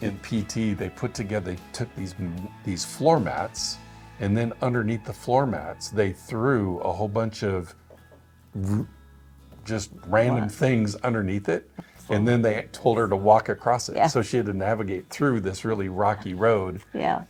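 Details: Adult male speaker; typical speech.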